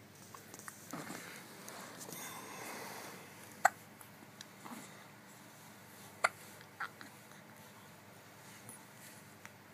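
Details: Hiccups in a quiet room: a few sharp, brief hiccup sounds at irregular intervals, roughly 20 a minute, persisting despite attempts to stop them.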